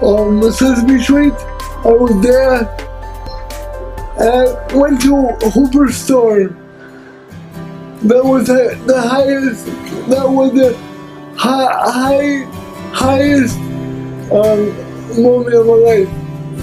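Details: Dysarthric speech in an adult man with cerebral palsy who uses a wheelchair.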